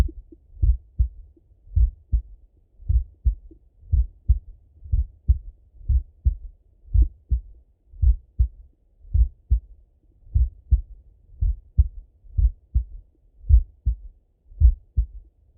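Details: Full heart auscultation through a stethoscope on a male, recorded either sitting at a desk or lying in bed: steady paired low lub-dub thumps at about 56 beats a minute with no extra sounds, normal heart sounds.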